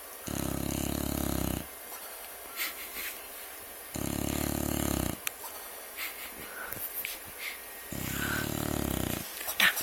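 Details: Snoring from Buckwheat while asleep: three loud, buzzing snores about four seconds apart, with quiet room noise and small sounds between.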